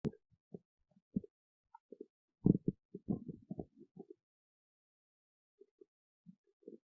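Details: Irregular low gurgles and rumbling bursts from the belly: typical stomach growling (borborygmi).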